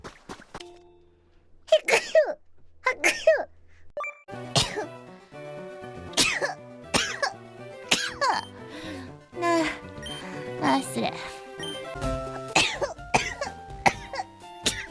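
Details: Weekly compilation of VTuber sneezes: a string of short, explosive sneezes from different voices, with background music and brief speech between them.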